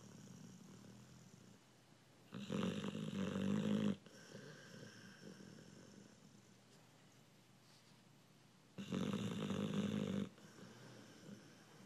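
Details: American Bulldog snoring during sleep: two long, rattling snores on the in-breath about six seconds apart, with quiet breathing between them. Snoring.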